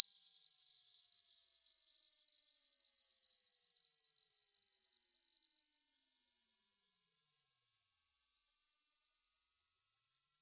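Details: A hearing-test tone: a steady, high-pitched pure tone rising very slightly in pitch.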